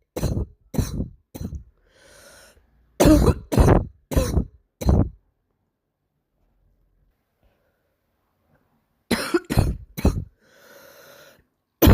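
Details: Girl with a barking cough of unknown cause: two bouts of four to five harsh, barking coughs, each followed by a wheezy indrawn breath; barking cough.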